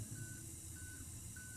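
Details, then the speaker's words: Apex locator during root canal file instrumentation of a curved canal while bypassing a ledge: soft, evenly spaced electronic beeps over a low hum as the file approaches the apex. "You can hear the sound coming from the apex locator. I'm approaching the apex. If you have arrived at the apex, the apex locator will tell you by beep beep beep beep beep beep something like that that."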